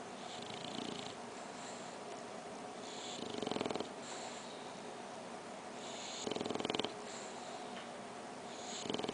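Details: Pet snoring while resting with eyes open and tongue out: soft rhythmic breathing noises, about 20 per minute, with a rattling buzz on some breaths; snoring.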